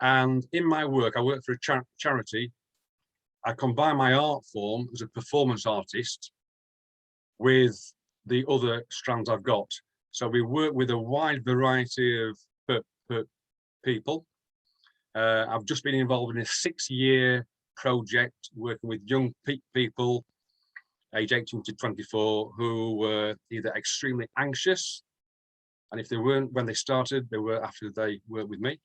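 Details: Stuttering (stammering) in an adult UK male; more severe in the past and still present at times, with blocks, repetitions and eyes closing or looking down; word repetitions in this clip.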